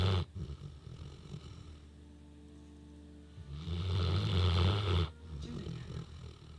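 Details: Newfoundland dog that fell sound asleep while being groomed and brushed: a loud, deep rumbling snore, then a quieter stretch, with faint background music; snoring as loud as a human.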